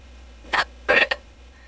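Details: Simulated hiccups from an AI-generated voice imitation: two or three abrupt, high-pitched gulping bursts with quiet between. The source audio's speaker said she was tipsy and had bad hiccups.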